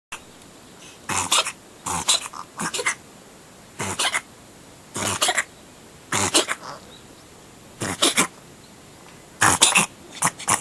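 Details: Siamese cat giving odd "guhihi"-sounding sneezes: repeated short, sharp, hissing bursts, often in quick pairs, about nine in ten seconds; a bout of sneezing.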